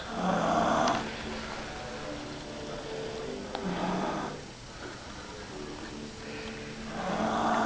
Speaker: This is sleeping and snoring. says Mom snores. Mom doesn't snore. snores.